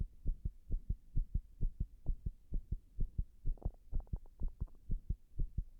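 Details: Heart sounds recorded after six minutes of pressure while standing against a wall: fast, low thumping heartbeats with uneven spacing and extra or clustered beats. Arrhythmia.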